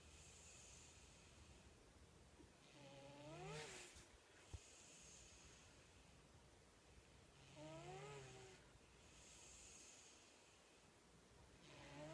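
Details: 13-year-old sleeping pet, recorded shortly before his death: rhythmic rough snores with a rising whistling tone, about 14 per minute, over steady background hum; snoring.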